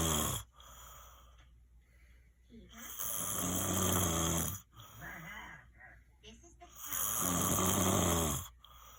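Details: Long, loud snoring breaths with a rough, vibrating tone, roughly 15 a minute, separated by brief quiet pauses; snoring recorded as proof against someone's denial that they snore.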